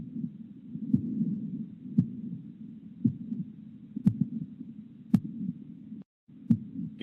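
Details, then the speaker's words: Real patient with mitral valve prolapse, no click: slow, regular heartbeat with a loud S1, a pause, then a late systolic murmur before S2, then a longer pause. "because there's this s1 and then this pause and then the murmur so your brain just thinks oh that's diastole but it's not it's actually late systole"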